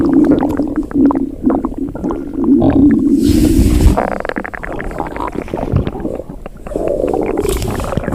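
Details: Extremely loud, long, gurgling abdominal rumbles and growls, described as hungry stomach growling: borborygmi.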